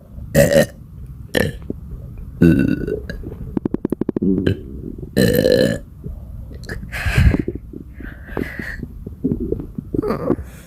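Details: Badly bloated person belching non-stop: repeated loud belches, some long and rumbling, with short gaps; frequent belching from bloating.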